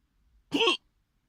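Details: Adult having strong hiccups while eating in a car: a single abrupt, forceful hiccup, a short voiced catch in the throat with quiet before and after.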